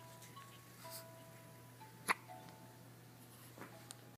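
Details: Man who has had a little too much to drink gives a single sharp, abrupt gulping hiccup over quiet background music in a small room; hiccups.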